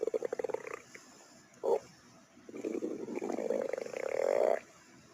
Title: Stomach Growling